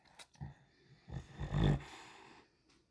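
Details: Female bulldog at tail end of a reverse sneezing episode: short, low snorting breaths while owner coaxes her to breathe through her mouth.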